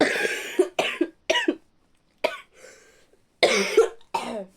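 A rapid run of harsh, wet-sounding coughs in an adult, with a brief breathy pause mid-fit.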